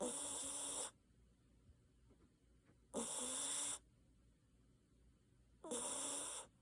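Loud, harsh, rattling snores about every three seconds, with quiet pauses between; snoring during sleep.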